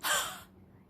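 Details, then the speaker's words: Demonstration of a huff cough, a breathing exercise for COVID-19 or COPD patients to clear mucus: a single short, breathy, forceful open-mouth "ha" exhalation, ideally with the stomach muscles contracted. "What you need to do, you need to inhale, exhale with the sound of ha. Inhale, inhale, exhale with sound of ha."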